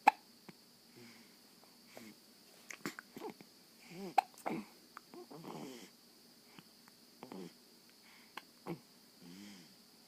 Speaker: Who's that baby? Have you got the hiccups? The baby in the movie has the hiccups too.